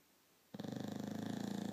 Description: My Victorian Bulldog showing how snoring can be taken to the next level.